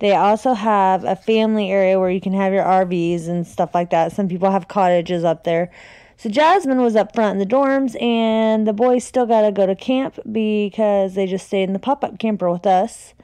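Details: Adult woman speaking; ordinary speech.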